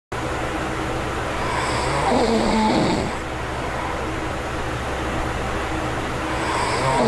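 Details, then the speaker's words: Adult with obstructive sleep apnea sleeping without an anti-snoring device: rough, rumbling snore-like laboured breaths over room hum, another building at the end; struggling to bring in enough air. "even when i wasn't snoring in the first clip without a device you can still hear me like breathing deeply because i'm struggling to bring in enough air so you don't get enough oxygen at night"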